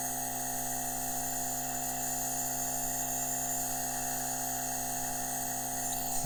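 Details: Running nebulizer compressor during inhalation treatment, used with mouthpiece or mask; steady mechanical hum and whine while medication mist is delivered, ordinary device noise.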